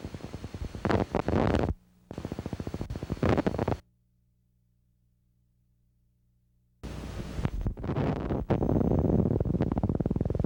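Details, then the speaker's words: Rapid trains of dull thudding pops from a needle EMG speaker: positive sharp waves. These are a denervation sign, with significance identical to fibrillations. "In essence, the electrphysiological characteristics and clinical significance of positive sharp waves are identical to those of fibrillations. Watch and listen to positive sharp waves."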